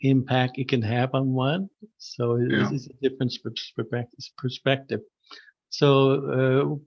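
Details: Adult man who stutters, formerly severe and covert with secondary characteristics: stuttering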